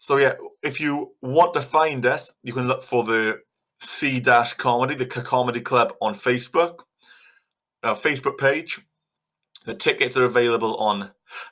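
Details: Adult man who stutters, an aspiring stand-up comedian; stuttering.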